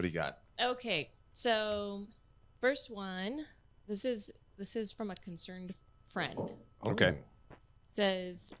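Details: Adult speakers in conversation; ordinary speech.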